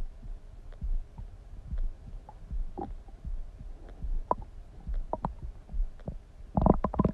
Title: Stomach Sound ASMR | My Stomach Makes Noises